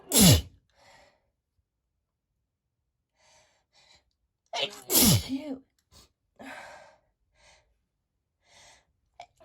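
Two loud, wet sneezes with a gasping breath before the second, then quiet sniffs and breaths.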